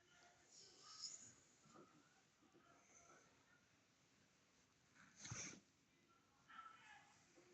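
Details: Senior dog with hiccups: in a quiet room, about five brief, abrupt gulping bursts at uneven intervals, one clearly louder.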